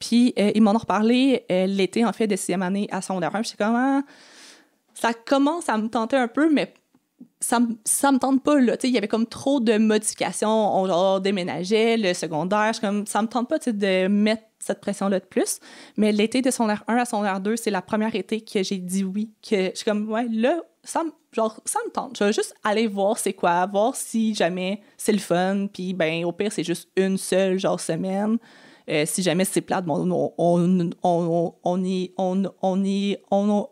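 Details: Adult woman who has stuttered since age 6 and had about 4–5 speech therapy courses; she says one other family member also stutters; real, natural conversational speech showing stuttering.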